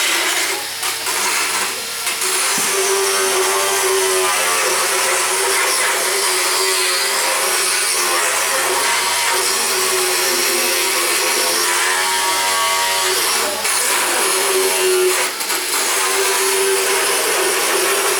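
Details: Continuous grinding motor whine with rasping that varies as the float moves along the teeth: a motorized power float on a horse, during a veterinary equine dental exam.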